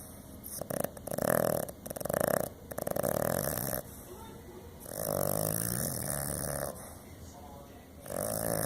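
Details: Small dog snoring: loud, rattling snores on each breath in, with quieter breaths out between them; heavy snoring.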